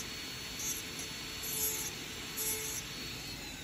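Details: Dental laboratory grinder milling zirconia teeth: steady high-pitched mechanical hiss with brief louder grinding surges.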